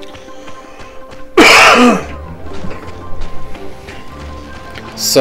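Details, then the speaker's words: Adult with asthma coughing: a single loud, muffled cough burst, partly covered, with another possible start at the end, over video game music. "about all the coughing I know you can still hear it even though I'm try to cover it as best I can but [Music] I suffer from asthma and some days are worse than others"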